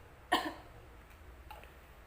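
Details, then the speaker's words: A single deliberate cough from an adult woman after three deep breaths, right hand on chest and left on abdomen, in a simulated nursing role-play of effective cough technique to clear secretions. "Dan untuk yang ketiga kalinya Ibu tarik nafas lagi, lalu hembuskan. Ibu bisa batukan di sini ya"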